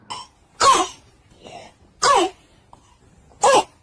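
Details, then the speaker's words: Child's barking cough suggesting acute laryngitis (croup): three harsh, hoarse, bark-like coughs with softer sounds between them, a warning sign to seek hospital care. "如果孩子出现了，小心可能会有，就孩子咳嗽期间出这种声音，可能会是急性喉炎。"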